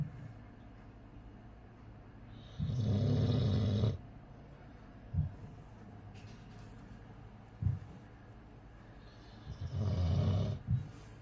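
Two loud, low, rattling snores over about ten seconds, with a few short snorts between them, from a sleeping dog.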